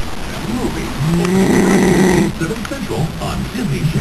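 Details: Deep rattling snore on an in-breath with faint vocal sounds and scuffling between; adult father snoring during sleep while someone tries to plug his nose.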